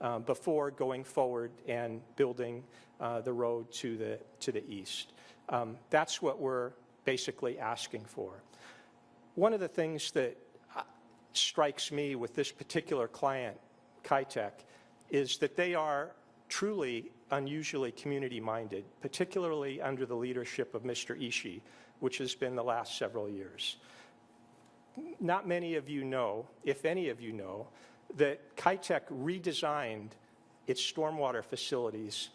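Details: Adult male speaker; ordinary speech.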